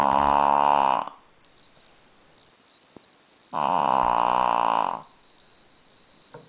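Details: Shih Tzu dog sleeping and snoring: two long, buzzing, nasal snores, each about a second or more, with quiet pauses between.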